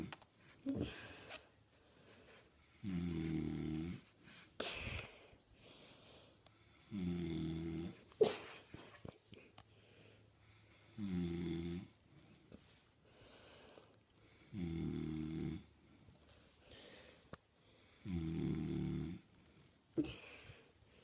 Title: My friends dad snores so weirdly 😂